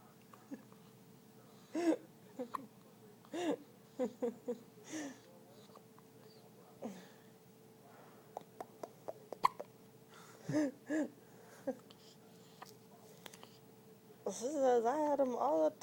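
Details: Newborn baby girl hiccuping at birth: brief, sharp, irregularly spaced hiccups over a steady room hum, ending in a short fussy cry; common in newborns.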